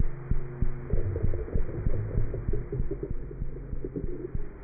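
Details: Cat's heart sounds through a stethoscope: rapid, regular beat at roughly 190 a minute with faint background humming.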